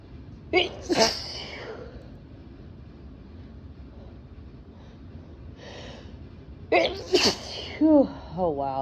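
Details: Person intoxicated after drinking vanilla Crown Royal whisky: two bouts of abrupt, explosive sneezing, each a quick double burst, followed by voiced sounds over steady room noise; sneezing.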